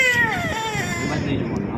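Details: Baby girl crying during a health care procedure in a lab; loud long wailing bursts falling in pitch, adult voice offering chocolate and room noise behind.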